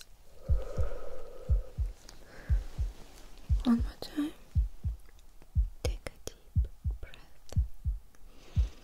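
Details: ASMR doctor role-play physical exam (simulated) with a stethoscope heart check: soft, regular paired thumps near 60 a minute with faint whispering over them; normal heart sounds.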